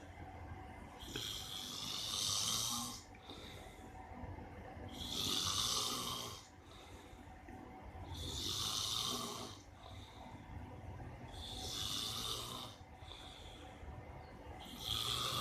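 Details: Father snoring in sleep: loud, regular snores on each breath, about 19 per minute, with quieter hissing exhalations between; ordinary snoring.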